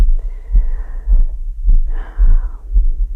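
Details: ASMR recording of the creator's own heart pounding hard after yard work, about 120 BPM and then recovering: strong, fast, low thumps with soft whispering over them; rapid heartbeat after exertion (sinus tachycardia).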